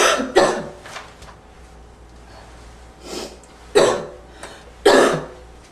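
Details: Barking cough with slight wheeze.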